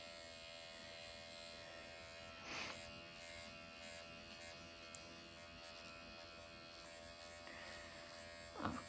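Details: Steady quiet high-pitched motor buzz with faint clicks from an MD Needle Pen microneedling the face at 1 mm needle depth after numbing ointment, with mild erythema; reportedly painless.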